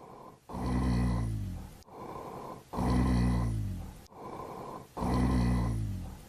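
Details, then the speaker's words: Rhonchi: loud, low-pitched, continuous snoring sounds on each of three breaths, mainly on expiration but also on inspiration, from the large airways such as the trachea. "ronai are mainly heard on expiration but you can hear them along with inspiration and they're going to have a low pitch and be loud in addition they're going to be continuous and located in large Airways like the trachea"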